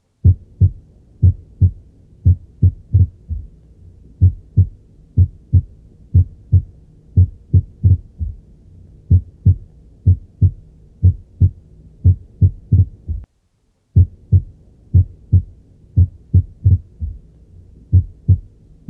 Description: Se describe los hallazgos a la auscultación de las extrasístoles ventriculares